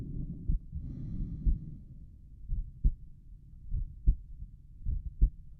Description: This is just the sound of my heartbeat at Erb’s point while I lie down and try to relax.